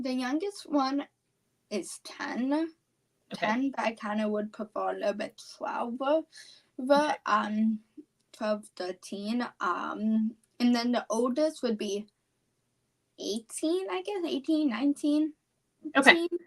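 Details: Apraxia of speech, a neurological speech disorder, in a 17-year-old female high school senior.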